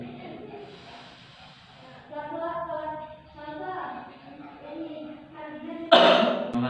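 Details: Nursing student demonstration of breathing techniques (pursed-lip, diaphragmatic) and effective cough: voiced sounds, then one sharp, forceful cough near the end, demonstrating an effective airway-clearance cough.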